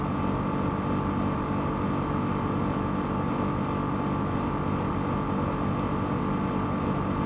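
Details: Two nebulizers producing aerosol: a steady, loud mechanical hum with hissing airflow, unchanging throughout, as the nebulizer compressors run continuously.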